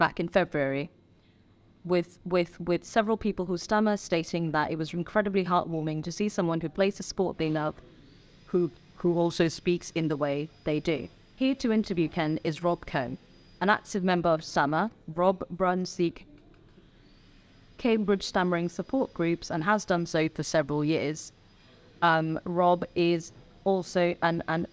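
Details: Adult woman speaking; no speech disorder.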